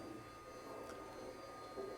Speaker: Oh, this is the sound recorded from the ear canal of a young woman. She's flooded with spontaneous otoacoustic emissions.